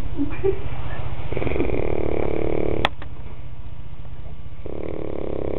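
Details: Loud, low, rattling snores with a fast flutter through each breath.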